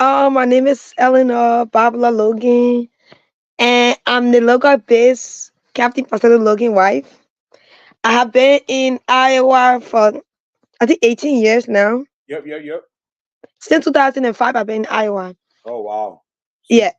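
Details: Adult woman; Normal speech.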